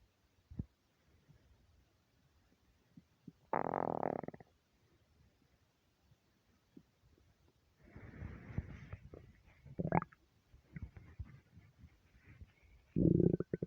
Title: starving stomach rumbles